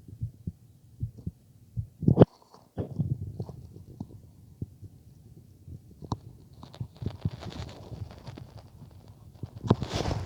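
Soft paired lub-dub heartbeats at roughly 75 a minute, steady, with stethoscope rubbing and scraping noise in the second half; normal heart sounds.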